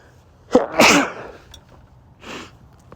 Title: cold sneezes (m)